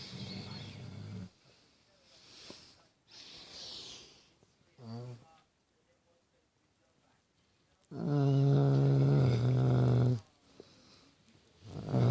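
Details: Pitbull dog snoring at 5:25 am after a rough day: irregular breathing noises build to one long, loud, low snore lasting about two seconds during sleep.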